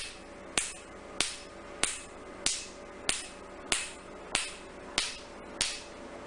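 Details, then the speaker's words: Sharp regular snapping clicks at about 95 a minute, each with a brief hiss: Nd:YAG Q-switched laser pulses in R20-technique tattoo removal on a male patient after 2 prior sittings, no anesthesia; white spots appear over the tattoo. "You can see as we do laser, white spots are appearing over the tattoo area."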